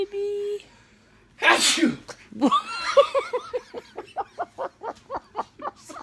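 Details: Baby sneezing: a brief tone, then one sharp infant sneeze followed by a run of rhythmic giggling bursts.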